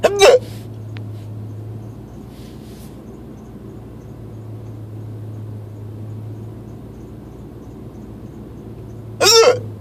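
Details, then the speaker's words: Adult sitting in a truck with engine running after work, hiccups for about 10 minutes: two abrupt, sharp voiced gulps about nine seconds apart over engine hum; louder with mouth open. "When I leave my mouth open, they sound really, really loud, and when they're closed, when my mouth is closed, they don't sound that loud at all."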